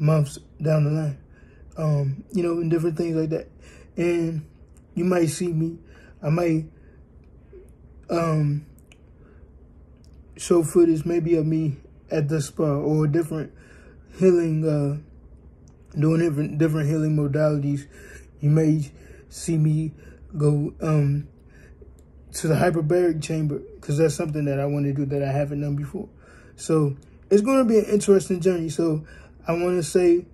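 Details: Adult man born with cerebral palsy, 3 months premature; dysarthric speech in cerebral palsy.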